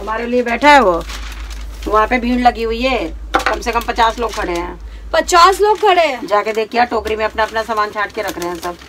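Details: Adult woman speaking Hindi; normal voice.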